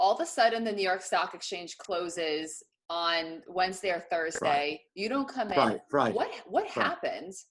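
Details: Adult speaker; ordinary speech.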